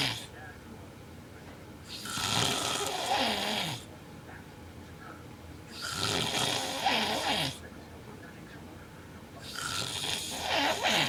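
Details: Adult man (boyfriend) with severe snoring recorded asleep: loud, harsh snores roughly every four seconds, about 15 breaths a minute, with quiet gaps between.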